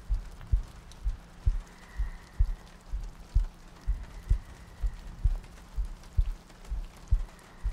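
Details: ASMR sleep-aid soundscape looping heartbeats, soft breathing and rain ambience: steady, regular low thumps at about 64 a minute over a soft rain-like hiss, a calm heartbeat.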